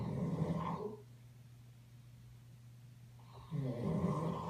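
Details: Low rumbling, rattling breaths with quiet pauses between, from an unidentified animal asleep; snoring.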